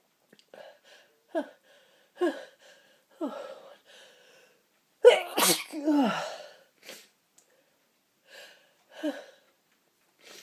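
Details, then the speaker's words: An adult with a tickling nose: catching breaths build up to a forceful sneeze, followed by more short breaths and smaller sneezes. "a my nose is tickling and tickling and tickling oh I've got to sneeze one more time bless me piss me"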